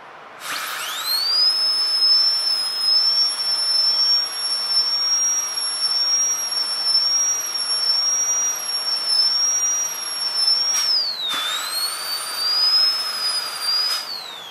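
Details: Continuous high-pitched whine of a dental high-speed handpiece, briefly dipping under load, during a practical-exam demonstration preparing tooth 36 for a full gold crown (FGC).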